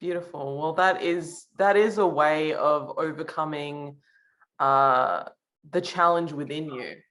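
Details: Adult woman speaking; normal speech.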